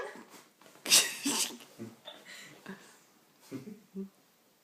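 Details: Boxer dog having a sneezing attack: two sharp, hissing sneezes close together, followed by softer snorts and sniffs.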